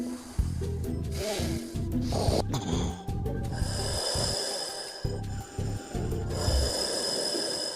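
Low, rough snoring and snorting breaths with music playing in the background.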